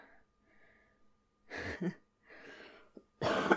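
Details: A few acted coughs and throat-clearing sounds from an adult woman role-playing a superhero with a cold and possible fever, in a quiet room; simulated cough.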